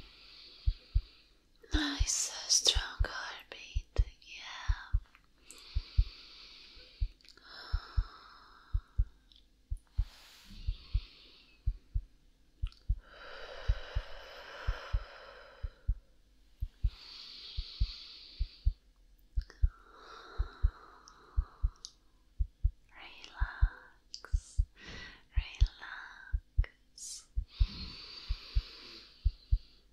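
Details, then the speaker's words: Simulated ASMR doctor roleplay, stethoscope heart exam while breathing normally, then deeper breath: steady strong heartbeat, slightly fast from nervousness, under soft whispering, no murmurs heard; normal heartbeat. "i think you're getting a little bit nervous am i right your heart is beating a little bit faster"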